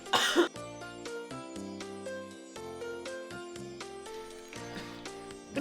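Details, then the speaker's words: Child in an acted cough syrup advertisement gives one brief harsh cough burst, then background music; the child's cough reportedly won't stop despite ordinary cough syrup. "एक घंटे में मैं इसे 4 बाद cough syrup Lachung पर इसकी खांसी की रुकने का नाम ही नहीं ले रही"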